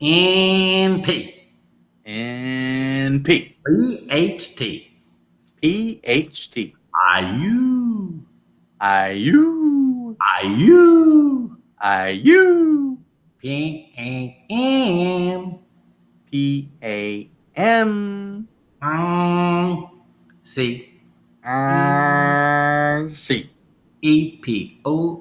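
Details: Adult speaker; aphasia.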